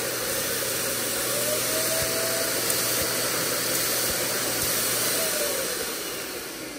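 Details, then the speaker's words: Nosiboo Pro electric nasal aspirator running with continuous suction, pressed and held at maximum, reviewed by a physician mother for infant congestion: loud steady hissing, whooshing motor noise. "okay i'm not gonna lie this sound is super scary okay but uh seriously it doesn't matter what sound or anything uh the minute anything is near my baby's nose it doesn't matter right they're gonna fight you"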